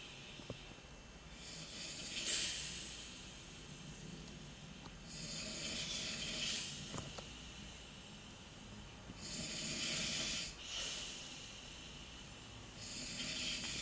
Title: Snoring people:)